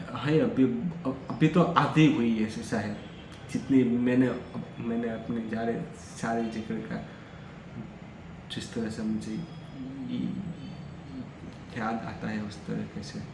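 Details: Adult male who stammers, recording Day 5 of a daily speech practice routine for stammering, speaking freely in continuous-speech practice; stuttering.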